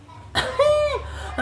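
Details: An unusual cough: a single sharp cough burst, then a drawn-out high squeaky tone lasting about half a second.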